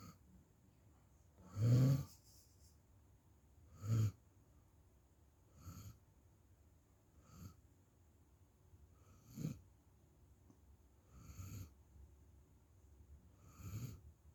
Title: puppy snores loud